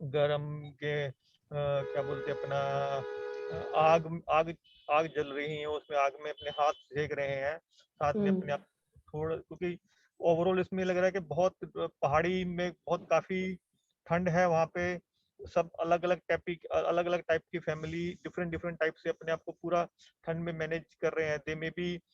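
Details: Adult man in an online aphasia conversation-practice class with a speech-language pathologist, doing a timed picture description; therapist notes he rushes to finish and has difficulty recalling words; aphasia.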